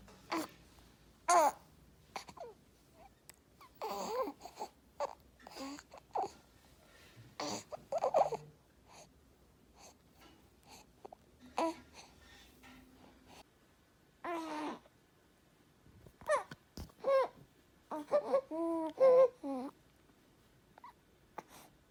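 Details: Infant aged 2–8 months with laryngomalacia: noisy, effortful breathing with high squeaky inspiratory stridor amid fussing, as if struggling to breathe.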